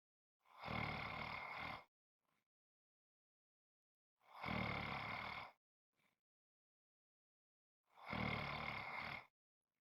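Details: Loud, rattling snores on each breath in, about 16 a minute, evenly spaced with quiet pauses between; snoring.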